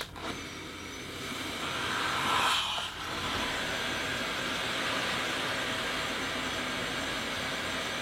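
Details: Loud, steady rushing air hiss from a CPAP machine blowing freely through an unsealed mask, indicating a large mask leak.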